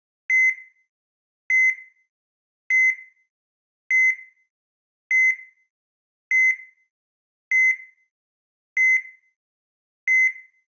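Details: Simulated heart monitor sound effect: steady, evenly spaced high-pitched beeps at about 50 per minute; patient monitor heartbeat beeps.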